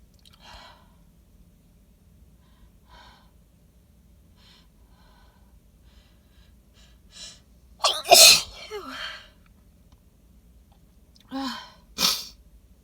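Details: Sharp in-breaths, then two forceful, wet sneezes into cupped hands with a small build-up, recorded in a car after smelling pollen-laden flowers; the person suspects allergy or sensitivity to these flowers. Repeated sneezing.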